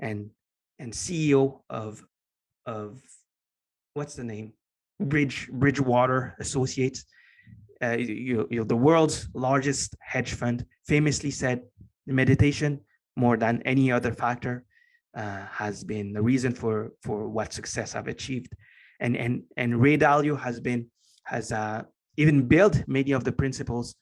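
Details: Lifelong stutter in an adult man, formerly unable to form coherent sentences, now barely audible after many years of meditation practice; stuttering.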